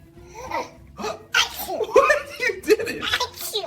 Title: Babies Copying Their Parents’ Sneezes 😂 (Cute Compilation)